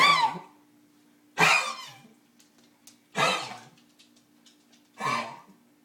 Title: bear cough monday